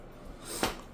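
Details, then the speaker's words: A single short, sharp sneeze in a quiet room from a sick mother with headache and sore, tender eyes who keeps sneezing. "I keep sneezing. I just had to take Roy to school."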